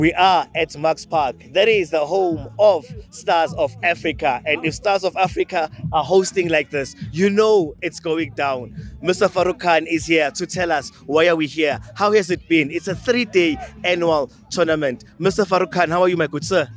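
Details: Adult male speaker; normal speech.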